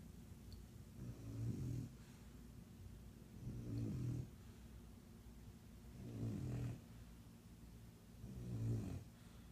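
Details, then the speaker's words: Ordinary snoring: low rumbling snores repeating about every two and a half seconds, roughly 25 a minute, over a steady background hum. "хватит храпеть. посмотри на меня."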